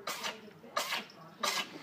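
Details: A cat sneezing: three quick, soft, hissing bursts about two-thirds of a second apart in a quiet room.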